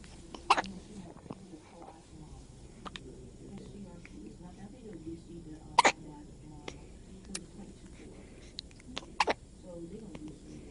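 Three abrupt hiccups a few seconds apart, with soft adult talk in the background: hiccups.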